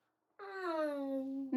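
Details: Young boy with childhood apraxia of speech, with no words by age two, attempting a single word during home-based speech therapy.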